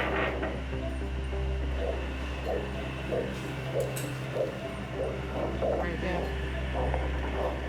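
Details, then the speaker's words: Woman during foot and ankle surgery after walking on a broken leg for 10 years; handheld Doppler with gel over leg arteries feeding a skin graft: rhythmic whooshing pulse confirming arterial blood flow. "So I'm using a handheld Doppler. Basically what that is, it's a sound machine that detects pulses."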